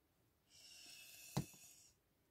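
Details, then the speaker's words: Sleeping pet dog snoring in a quiet room: one soft, rough breath with a brief snort; harmless snoring. "Si vous entendez ronfler, c'est rien, c'est mon chien. Qui se croit au Club Med, à mon avis."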